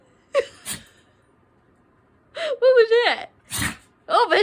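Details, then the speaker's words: Dog that suddenly began sneezing out of the blue: two quick nasal sneezes, then a snort-like sneeze, with the owner's voice between; repeated sneezing. "you okay now he keeps sneezing are you okay now oh no and i'm gonna sit before i fall stay stay he just randomly started sneezing out of the blue you gonna go again"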